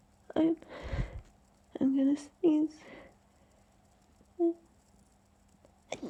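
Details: Suppressed sneezing while trying to sneeze quietly: short stifled voiced bursts with breathy rushes, several muffled sneezes held back.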